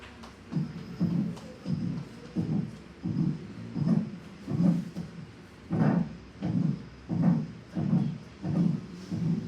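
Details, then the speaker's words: Aortic stenosis teaching example: regular low heart sounds with a harsh systolic murmur between S1 and S2, normal S1 and single, non-split S2. "Y ahí vemos la estenosis aórtica, cómo está el soplo, cómo en la sístole, entre el primer ruido y el segundo ruido, va a haber un soplo, ¿no?"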